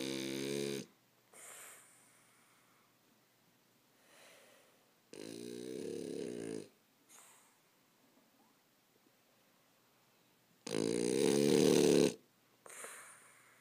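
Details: Sleeping French bulldog snoring; loud rattling snores on the in-breath with quiet out-breaths between them, about 5 breaths a minute.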